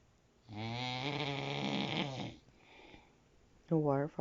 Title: How to sleep. Professional snoring. Zzzzzzzzzzzz. #sleepsoundly #zzzzz #sleepdeeply #sleepapnea